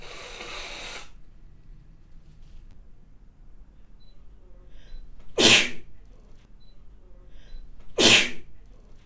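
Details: A model's spray sneezing: a brief stretch of breathy noise, then two sharp, explosive sneezes with a spraying hiss; ordinary sneezing.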